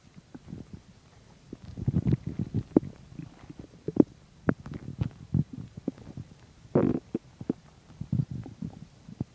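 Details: Stomach growling while digesting chicken and milk: bowel sounds (borborygmi).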